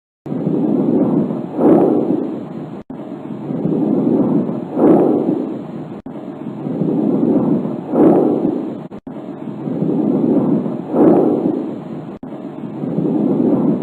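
Soft, even rushing breath sounds repeat about 19 times a minute with no added noises, normal lung sounds.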